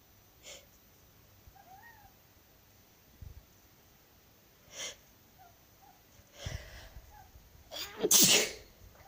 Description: My silly black cat 'kuro' complaining at me sneezing. 😰